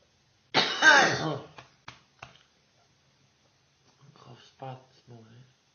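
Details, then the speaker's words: Coughing fit first thing in the morning: one harsh, rough cough followed by several short weaker coughs, then a few softer coughs or groans. "This is first thing in the morning, by the way. Oh. Oh. That's working out well. Oh. God, straight. Oh. Right, that's the end of that coffin fit."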